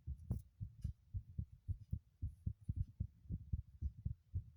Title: the most intense heartbeat sounds video I've ever made